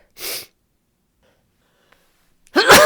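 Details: Sneezes from a woman with a head cold and sinus pressure, sick about a week: one loud, sharp sneeze, a quiet pause, then the start of a second forceful sneeze; sneezing.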